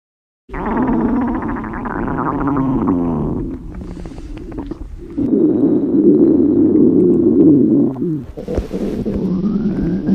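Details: Loud, low, long groaning and gurgling hunger stomach growls lasting several seconds from a high school girl who skipped breakfast before a school body measurement, in a staged fantasy scenario; normal bowel sounds.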